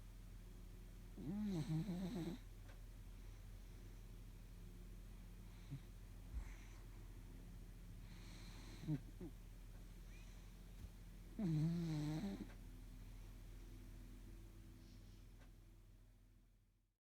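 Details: Soft, widely spaced snorting snores, three or four over about fifteen seconds, over a steady low hum. Snoring.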